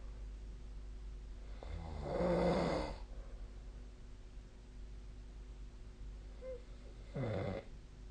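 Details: Snoring during sleep, recorded on 2025/04/11 with the SnoreLab snoring app: two moderate, low, fluttering snores about five seconds apart against a steady room hum.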